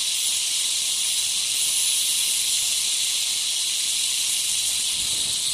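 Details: Ultrasonic piezosurgery with a round diamond tip cutting a bone window (about 1 cm by 0.5 cm) in the sinus wall, outlining the osteotomy toward the Schneiderian membrane: continuous high-pitched hiss with water spray.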